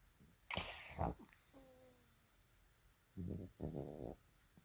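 Several short, loud snorting snores with a rattle, separated by quiet pauses, over faint room noise; a sleeping dog snoring.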